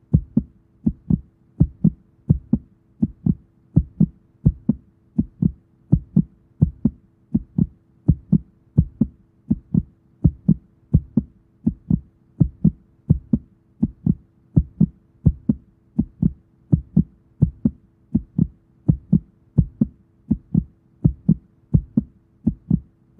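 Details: Fast heartbeat: rapid, steady heartbeat with crisp, evenly spaced thumps repeating throughout.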